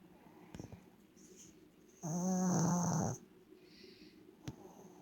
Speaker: The dog is sleeping. Snoring away.